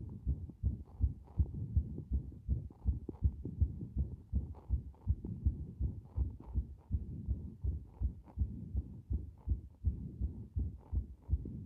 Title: 強い不整脈で一瞬止まる心臓の動画